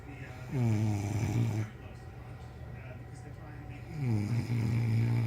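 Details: Two loud, low rumbling snores on breathing in, separated by a quiet pause, from someone asleep beside the recorder; snoring.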